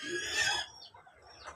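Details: 2-week-old broiler chicken, about 1.5 kg, with a mild cold attributed to hot weather; harsh, raspy snoring noise from the neck, a respiratory rale.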